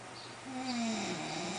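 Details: Two people filmed snoring in their sleep at 5:37 AM: a single drawn-out, droning snore that rises and falls over about a second.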